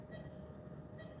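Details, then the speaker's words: Pulse oximeter on the earlobe of an adult man demonstrating that breathing changes heart rate variability: two short electronic beeps about a second apart over a low room rumble, the oximeter's pulse tone. "based on how I breathe you can hear my heart rate variability change you guys can see my heart rate from my earlobe and I can actually put it even on the uh anything he looks there with my ear and you can still hear my heartbeat"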